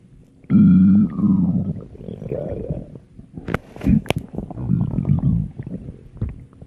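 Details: A loud, drawn-out groaning growl followed by gurgles and squelching rumbles; stomach growling, ordinary digestive sounds (borborygmi).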